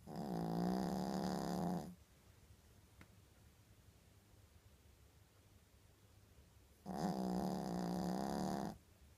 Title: snoring - sound only